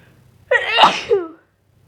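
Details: Induced sneeze with a very sensitive nose, possibly getting sick: one loud sneeze with a short sharp inhale and burst, trailing into a voiced tail.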